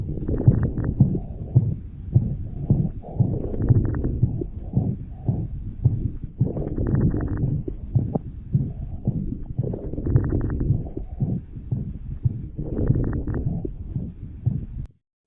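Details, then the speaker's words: Dog with suspected left congestive heart failure: mitral systolic murmur with pulmonary crackles of cardiogenic pulmonary edema, most commonly heard over the caudodorsal lung lobes. "Agora vamos ouvir o som típico do edema pulmonar, um som chamado crepitação, que é mais comumente evidenciado na região caldo dorsal de lobos pulmonares."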